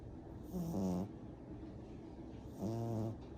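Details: 10-week-old black and brindle French bulldog puppy asleep: two low, rattling snores on inhalation about two seconds apart, with quiet breathing between; snoring.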